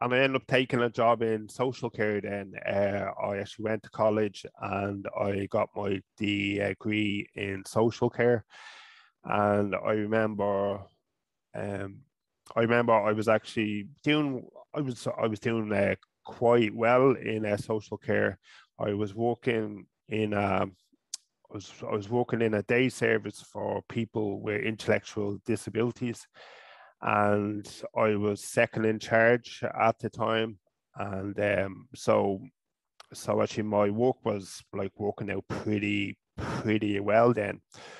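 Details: Adult man from Ireland who has stuttered since about age five or six, describing blocks, avoidance, word substitution and filler words, and still stuttering openly; stuttering.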